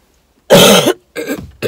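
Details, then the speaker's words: Two coughs, a loud harsh burst then a shorter rougher one, from a 38-year-old woman who has a cold and headache; cough. "I have all this week off, and I have all next week off, and of course I get a cold. 2 weeks vacation and I get sick."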